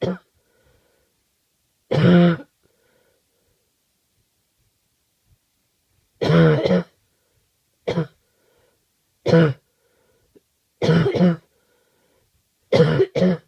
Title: Awful cough